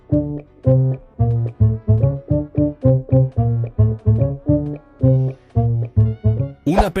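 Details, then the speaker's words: Simulated moderate hearing loss in an audiology demonstration of progressive loss: plucked string music sounding dull and muffled with treble cut away. "Escucha ahora una pérdida auditiva moderada."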